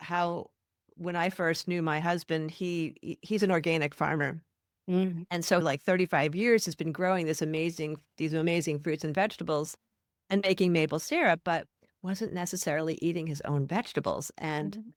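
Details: Adult woman speaking; ordinary speech.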